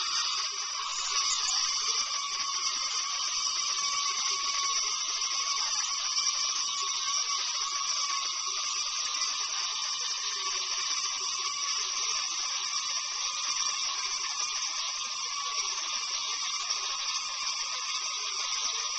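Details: Continuous high-pitched whine of a dental drill running steadily during a tooth filling, recorded on a Flip Video camcorder; dental drill.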